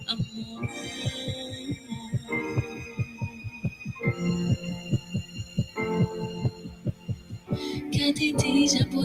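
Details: Young child's heart recording played under soft music for a family: rapid heartbeat about 140 per minute with an irregular rhythm; irregular heartbeat.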